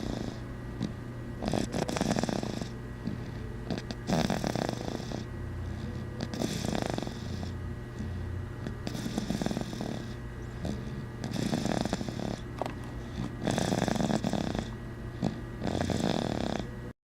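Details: Snoring: loud, continuous, rattling, purr-like breathing with repeated rough snore bursts over a steady background hum.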